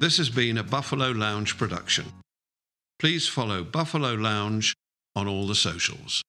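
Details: Adult male speaker; normal speech.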